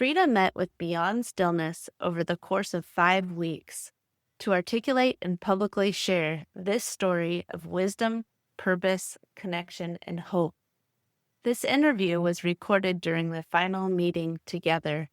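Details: Adult woman; normal speech.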